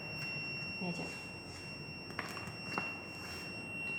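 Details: Practical defibrillator demonstration session with electrodes and a charge/shock sequence: a steady, high electronic AED alarm tone sounding continuously, with faint voices and handling noise in a room.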